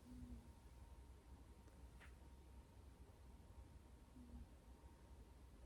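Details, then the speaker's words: A sleeping cat about 2 feet off camera snores: two soft, low, little honking snores about four seconds apart over a quiet room hum. "There's little little honking noises coming from about 2 feet off camera. That's the cat snoring, so, I can't stop her. I'm not going to wake her up."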